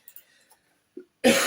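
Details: Faint room sounds, then one sudden harsh cough or throat-clearing burst from an adult woman who lost her voice the previous week, presumably from laryngitis.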